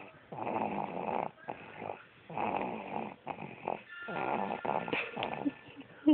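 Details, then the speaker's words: Baby snoring during sleep, with parents who also snore: loud, rough, rattling snores on each breath, about five in six seconds, with short quiet gaps between them. "okay so me and Sean snore and it seem to have trickle down to the baby so"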